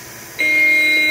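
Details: Steady high electronic tone rising from faint room noise and holding; AED beep during a simulated cardiac arrest management and CPR practice run on a manikin for an EMT practical skills exam.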